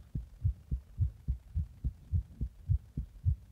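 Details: Rapid heartbeat after drinking a Monster energy drink in the bath and then compressing: steady paired low heart thumps at about 107 beats a minute.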